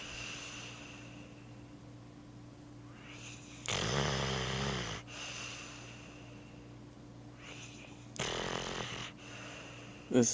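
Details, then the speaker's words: Dog sleeping on a couch after a hard day, snoring: two loud rattling in-breath snores about four seconds apart, with quieter whistling breaths between. "is our dog Roscoe. He's snoring right now."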